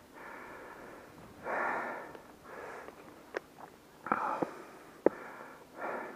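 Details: Hard breathing after exertion on the Blow Down run at Kicking Horse: loud, effortful breaths in and out with sniffs and brief pauses; the person says their feet hurt and they are tired.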